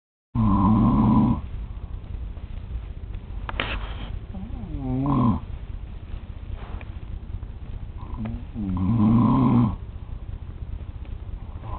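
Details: An adult man (a father) snoring in sleep at 3 a.m. while on a trip: loud, rough, rattling snores on each in-breath, with quieter breathing between; heavy snoring.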